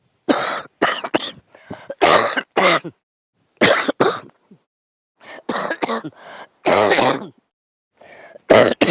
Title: Men cough during sleep